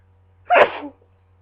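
A single sharp, explosive sneeze, followed by a brief trailing breath, against a quiet background hum.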